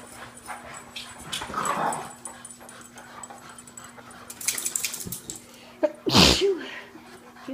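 A dog gives one sharp, explosive sneeze near the end, after quieter sniffing and rustling, over a steady low room hum.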